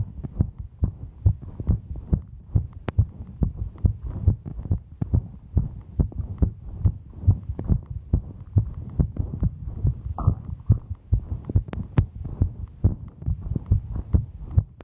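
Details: Normal heart sounds of a female during hiking exertion: fast, regular heartbeat around 140 beats a minute with a low background hum.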